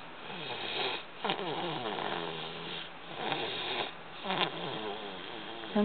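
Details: 13-month, 3-week-old toddler asleep in the car, very tired, snoring loudly: soft, rattly snoring sounds on repeated breaths with faint room noise.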